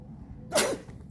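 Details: A single short, sharp sneeze burst against low background noise from a cat described as sick, during feeding; a sneeze.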